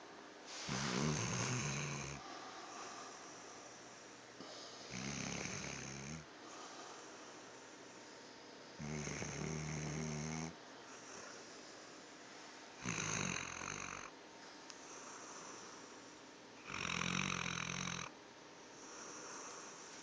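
Loud, rattling snores from a sleeping dog, five in about 20 seconds, with quiet breathing between; snoring.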